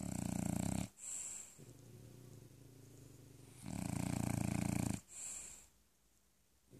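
Two long, loud, rattling snores, each followed by a softer whistling exhale, a dog snoring in sleep.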